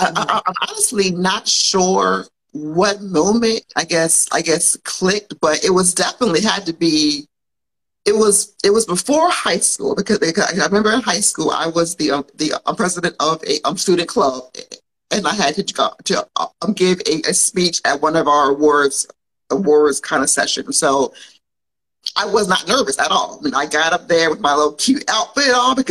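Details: Stuttering in an adult woman who grew up with a stutter and still has it, though many people would not notice; speaking on a live podcast recording.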